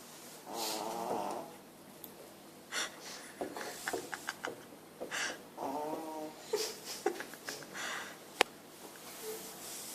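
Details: Snoring in a 7-year-old Pekingese dog sleeping after dinner: soft, irregular snorting snores and snuffles in a quiet room.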